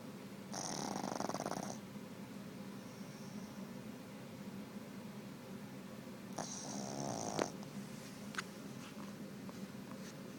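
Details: A Boston Terrier asleep on the owner's lap snoring: two snorting, fluttering snores with quiet breathing and soft room noise between them.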